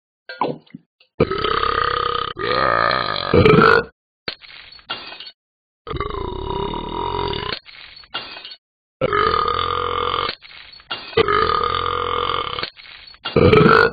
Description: he is a burping dog